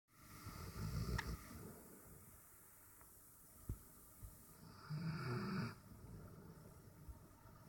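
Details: Relaxed on a couch on a warm summer afternoon, snoring in sleep: two loud, rough, low rattling breaths about four seconds apart with quiet breathing between.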